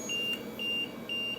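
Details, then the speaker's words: LTV 1000 ventilator low O2 pressure alarm: three repeated high-pitched electronic beeps over steady room hum, during a tutorial before silencing and reset. "So see how it is low O2 pressure. That's the alarm that's going off."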